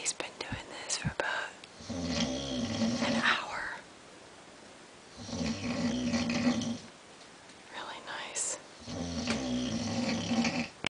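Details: Adult man (husband) snoring, which his wife reports is loud, prolonged and frequent: long, low, fluttering snores with quiet pauses between, roughly 19 breaths a minute, over faint room noise; snoring.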